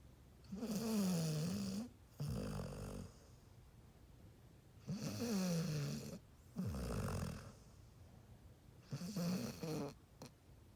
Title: Doggie snoring